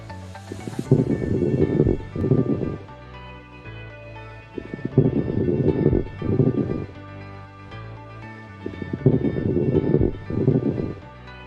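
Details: Low, bubbling coarse crackles with each breath, at about 15 breaths a minute, heard over steady background music.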